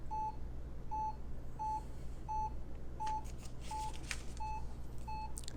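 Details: Hewlett Packard 43200MC military-surplus cardiac monitor-recorder back on lead one, running a rhythm strip: steady monitor beeps about 90 per minute with printer noise partway through; ECG monitor beeping.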